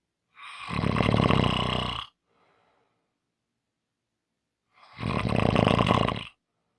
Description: Today is a short Audio, Friday's long snoring audio.